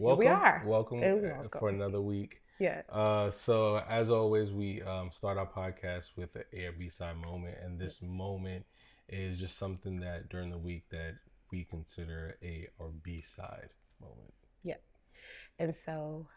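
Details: Adult male speaker; Normal speech.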